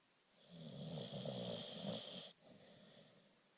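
One long, harsh, rattling breath sound with a hissing edge, then it fades away: a snore.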